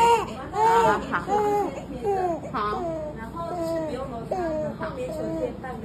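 Repeated loud, tonal infant cries with brief catch breaths between them; a baby crying in pain after vaccination injections.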